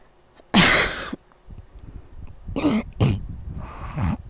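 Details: Four harsh coughs with strained breathing between, fan noise behind; coughing during a night-time asthma attack that is keeping the person from sleeping.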